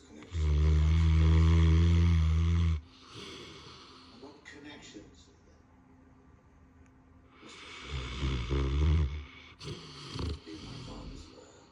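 Loud, deep rattling snores, one long and then a shorter series, separated by quieter breathing; heavy snoring in a large dog.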